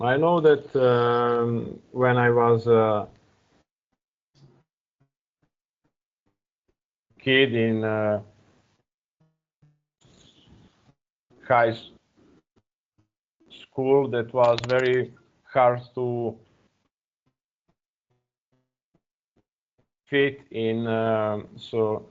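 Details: Real stuttering in an adult man speaking English as a second language; he uses a speech technique of focusing on a word's first or second vowel.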